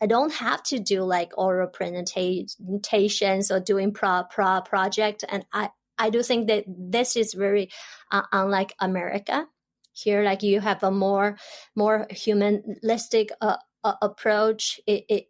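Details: Adult woman, a doctoral student and language teacher who grew up in China, has stuttered since about age 7 or 8, unsupported; stutters in her Chinese dialect, Mandarin and English; stuttering.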